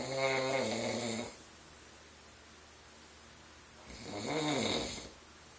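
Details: Boyfriend snoring all night, loud enough that earplugs or cotton balls don't always help: two loud, rattling in-breath snores a few seconds apart with a quiet pause. Snoring.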